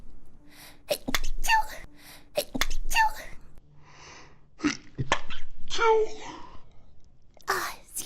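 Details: Sneezing during a live stream: a short run of small, sharp sneezes, some in quick pairs, with brief breaths between them.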